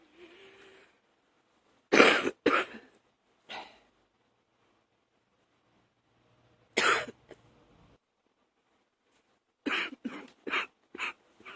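Several harsh cough bursts in short clusters with quiet gaps, about eight coughs in all, a morning cough.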